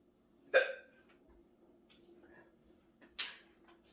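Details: Two sharp, abrupt gulping catches about two and a half seconds apart in a quiet room; hiccups.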